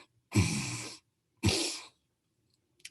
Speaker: right now try to nose snore so close your mouth and try to make a nose snore and what you will find and i'll make it real quick